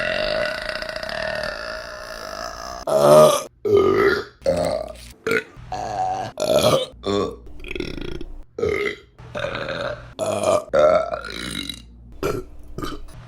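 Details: Repeated burping: about a dozen loud, long, voiced belches of varying length in quick succession.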